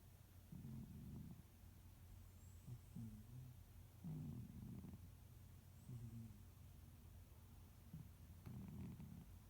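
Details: Sleeping cat dreaming and snoring: soft, low rumbling snores rising and fading with each breath, roughly 35–40 breaths a minute.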